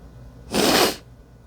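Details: A single sharp, explosive wet sneeze onto a mirror, lasting about half a second.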